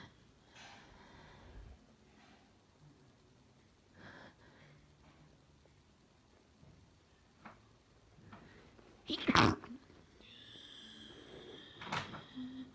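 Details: Ill person whose chest hurts badly: quiet breathing, then one forceful wet sneeze and a second high-pitched sneeze; repeated sneezing while sick.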